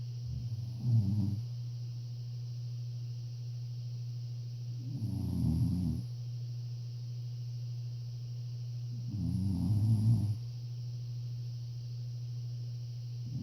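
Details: Sleeping person: three low rattling snores about every four seconds, roughly 14 breaths a minute, over a steady low hum; snoring.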